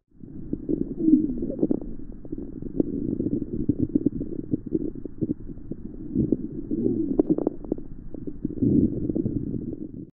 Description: Normal and pathological (crackles) respiratory sounds registered by StethoMe™- home stethoscope.